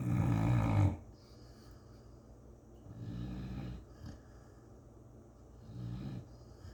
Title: Luna English Chocolate Lab snore